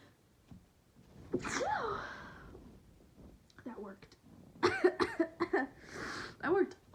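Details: Sick person with sniffling, coughing and a tickling nose having a sneezing fit: breathy, gasping build-up, a forceful sneeze, then a rapid run of several more sneezes with sharp intakes of breath.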